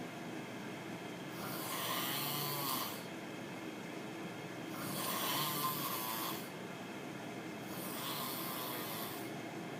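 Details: Roommate heavily snoring with three loud, harsh, rattling snores at regular intervals, about 18 breaths a minute, with steady room noise between.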